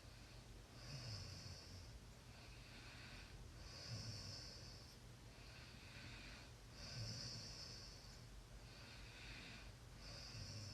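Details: Snoring during sleep: soft, snorting snores about every 3 seconds, roughly 19 a minute, beneath a steady background hiss.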